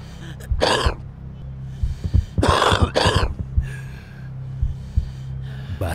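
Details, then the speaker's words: Acted harsh, wet-sounding coughs in separate bursts over a low hum, portraying a smoker's cough in an anti-smoking cinema spot. "batuk seorang perokok tidak hanya menandakan rusaknya paru-paru batuk seorang perokok adalah tanda rusaknya seluruh tubuh"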